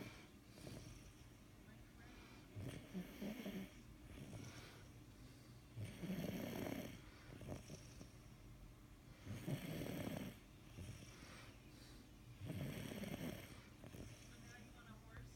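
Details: A male sleeper snoring after a long, hard day: rough, rattling snores recur about every three to four seconds over steady low room noise, roughly 16 to 18 breaths a minute.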